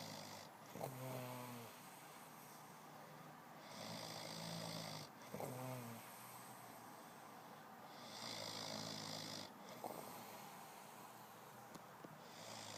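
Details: Friend sleeping heavily, very tired: loud rattling snores on breaths in alternating with softer hissing breaths out, about 14 breaths a minute.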